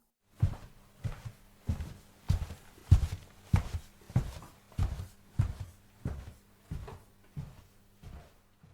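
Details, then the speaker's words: Simulated normal two-eared hearing: steady footsteps, about 95 a minute, heard clearly crossing from right to left, contrasted with the unilateral hearing loss of a 16-month-old girl (left ear moderate-to-severe). Normal binaural sound localization. "With binaural hearing it's easy to tell that the person is walking from right to left"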